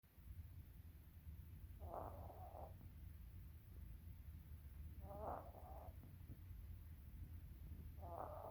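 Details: Three soft, buzzing snores about three seconds apart over a steady low hum, sleeping with eyes open; snoring.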